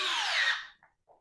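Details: Powered intraosseous drill placing an IO needle in a canine training model during a paramedic tactical-medicine demonstration of K-9 fluid-resuscitation access: brief high-pitched whir winding down, then two soft taps.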